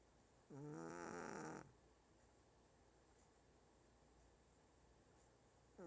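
One loud, rattling snore lasting about a second, then quiet room noise; snoring from a sleeping small dog.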